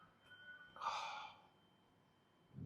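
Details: Staged comedy sketch in which a son with frequent sneezing annoys his dad: a single sudden, forceful burst of air through the nose and mouth, then quiet. Sneeze.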